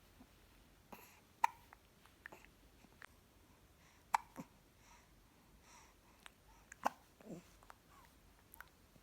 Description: 1 month old baby hiccups/生後1ヶ月の赤ちゃんしゃっくりが止まらない